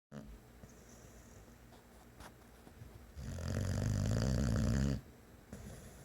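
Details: Violet, a boxer dog, snoring while asleep: one long, loud, fluttering snore lasting almost two seconds, with softer breathing and small room sounds before and after.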